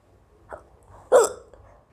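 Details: Woman doing a hiccups challenge after eating black pepper: two abrupt, short voiced gulps with sharp onset, the second louder; hiccups.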